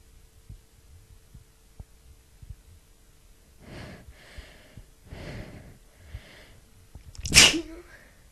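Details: A powerful fit of repeated sneezes.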